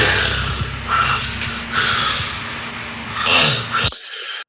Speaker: And this particular cycle of obstructive apneas, rescue breaths and snorts, and re-entering into another apnea is the hallmark of obstructive sleep apnea and sleep apnea syndrome.